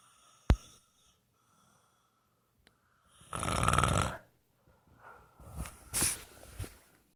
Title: Charlie Snoring 2